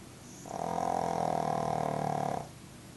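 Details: A sleeping pug snoring: a single long, buzzing, fluttering snore lasting about two seconds.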